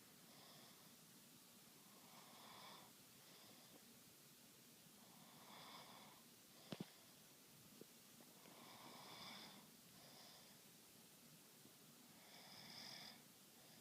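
Soft rasping snores that come with each breath, about 17 a minute, in a quiet room; ordinary snoring.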